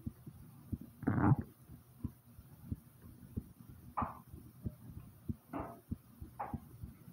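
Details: Own heartbeat recorded starting slow then rising: soft, regular low heart thumps with a few brief rustling noises; normal heartbeat.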